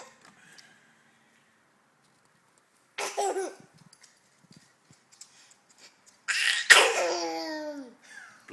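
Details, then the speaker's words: A person standing and laughing, then a sudden explosive single sneeze trailing into a vocal sound in a quiet room, described as a funny laughing sneeze. "That's a funny laughing sneeze. Like, I'll take that."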